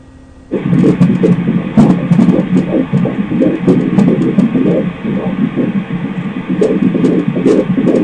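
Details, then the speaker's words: Fetal heartbeat of a baby boy picked up by ultrasound Doppler during a sonogram: fast, rhythmic whooshing pulses. "let's listen to that heartbeat again getting such a good clear picture is beautiful"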